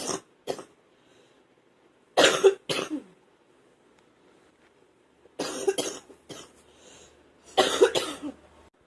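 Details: Wet productive cough.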